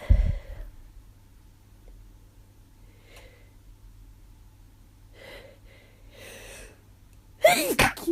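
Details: A sneeze, quiet breathy inhalations, then another forceful sneeze; repeated sneezing in a person who first thought allergies, now with sore throat and headache, suspecting something more.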